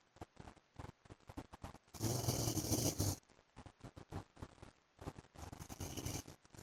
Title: PART 2 FOR SLEEPING WITH MY HUSBAND'S SNORING SOUND